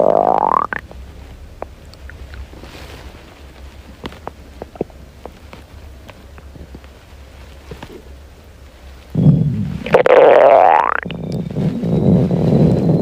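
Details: Hungry girl's stomach growling, from a compilation: low, gurgling rumbles, a rising squeal and a longer growl near the end, hunger borborygmi.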